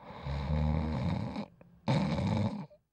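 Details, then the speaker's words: Two loud, low, rattling snores, each over a second, separated by a brief pause; heavy snoring during sleep, in a feature on obstructive sleep apnoea. "just snoring alone can be a health issue"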